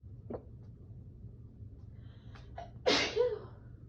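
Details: Sneezing while cleaning, from a person who usually stifles sneezes: a few quick catching breaths, then one loud explosive sneeze.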